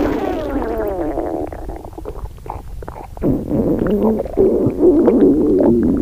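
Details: Rumi's stomach growling: continuous low rumbling with squeaky, wavering gurgles rising and falling; borborygmi.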